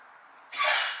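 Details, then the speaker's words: Female dog with a heart-related cough who is not eating, given an injection and medication at the vet: a single harsh, breathy cough burst after a brief quiet moment; cardiac cough. "no ale kurcze kaszle i to jest kaszel od serca i a nie chce jeść"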